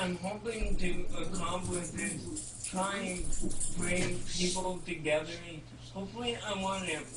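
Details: 32-year-old man with cerebral palsy speaking in real conversation; dysarthria in cerebral palsy.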